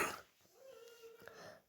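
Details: Child who is sick again: a single short, harsh cough burst followed by a sustained voiced sound; cough.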